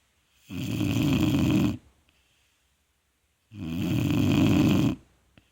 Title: Vizsla puppy snoring